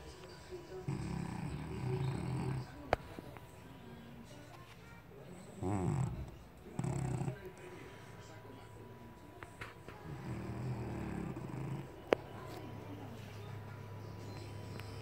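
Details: Low rumbling snores recurring at intervals over a steady background hum, roughly three snore bursts: snoring.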